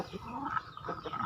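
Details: A chicken makes a rough, raspy rattling noise as it breathes; snoring-type respiratory rale.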